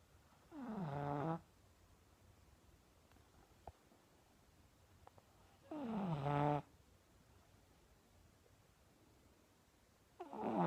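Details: Pug puppy snoring: loud, rattling, buzzy snores on each in-breath, about 12 a minute, with quiet pauses; flat-faced breed snoring.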